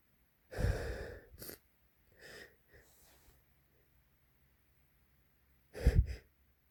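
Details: Male hitchy sneezes: two wet sneezes, each with a quick catch before the explosive burst, and a softer breathy build-up between them.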